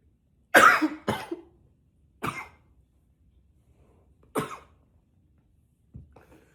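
Five forceful coughs, the first two close together, then single bursts with pauses, ending in a softer one.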